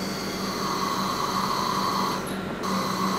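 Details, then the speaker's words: Bird pressure-cycled ventilator on a training test lung with reduced compliance: raising the pressure limit lengthens the inspiratory sound, a steady hiss of about two seconds, brief pause, repeating, with a faint hum. "ว่าเมื่อปรับเพิ่มPressureLimitเสียงหายใจเข้าของเบจะยาวขึ้นให้ปรับปุ่มinspiratoryflโดยเพิ่มflจนได้inspireTimeเท่าเดิม"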